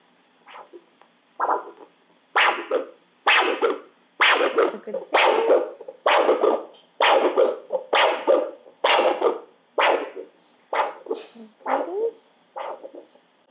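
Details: A handheld Doppler over the brachial artery with the arm cuff in place, during an ankle-brachial index measurement, gives regular pulsing whooshes at about 65 a minute from normal arterial flow; the brachial pressure read 130.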